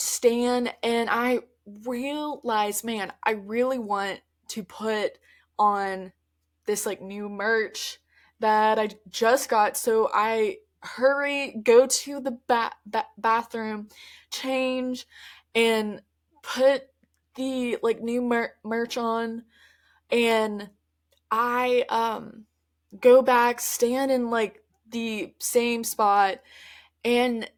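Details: Adult woman who stutters, mostly with repetitions and prolongations of words, speaking conversationally; stuttering.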